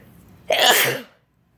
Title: Snow day 2 sneezes